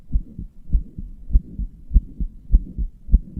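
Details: Self-reported heart murmur with palpitations in a heart the owner describes as weak and inefficient: a low, rapid heartbeat near 100 per minute with a blurred, rumbling quality between beats.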